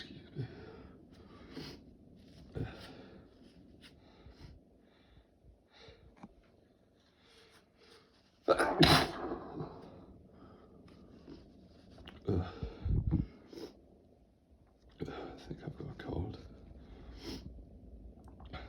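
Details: Repeated sneezing: several sharp explosive bursts with quieter breaths and sniffs between, in a small quiet room; sneezes attributed to candle allergy and a cold.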